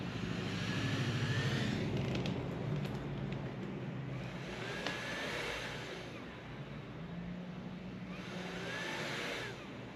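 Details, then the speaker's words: Low motor hum with soft airflow swelling and fading with each breath: Luna TravelPAP travel CPAP machine running, auto-on triggered by breathing, with a medium F40 mask in a demonstration. "all right so that's the machine running"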